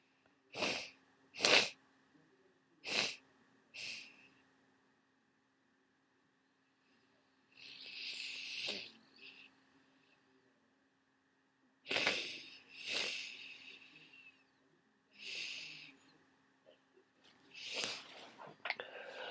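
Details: Worsening cold: repeated sharp sneezes, sniffs and a long massive nose blow, sneezing with nasal congestion.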